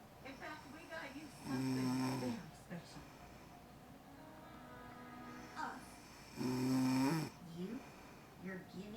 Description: Mama snoring after getting up this morning at four. Sounds like she fell asleep watching King of the Hill.